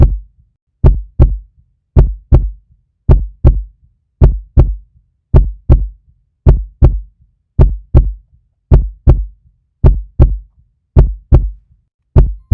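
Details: Steady paired lub-dub thumps, about 55 beats a minute, in a regular even rhythm, presented as a puppy heartbeat.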